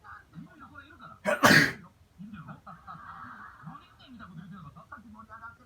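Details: One loud, sharp sneeze bursts out over quiet talk in a small room, startling a cat; an ordinary sneeze.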